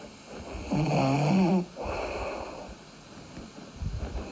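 A loud rattling inward snore, then a softer breath out, with room noise; snoring from vibrating throat tissue during sleep.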